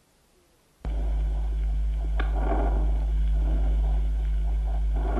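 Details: Bronchovesicular breath sounds in a teaching demonstration of lung auscultation.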